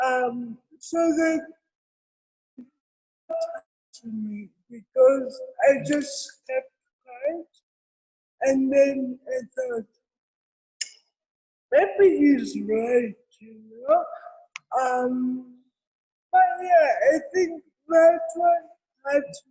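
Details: Real speech from an adult woman with cerebral palsy: dysarthria.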